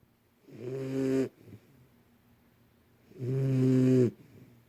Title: My Snoring 2 month old "Shadow"